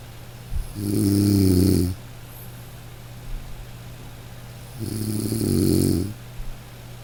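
Two long, loud, rumbling snores on breathing in, separated by quiet pauses, with a steady low hum in the background.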